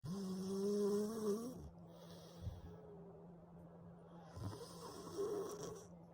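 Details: Simulated text-to-speech snoring of an animated baby character sleeping in a crib: a soft, high-pitched, whistling snore on the breath in, then quiet breathing with a faint steady hum.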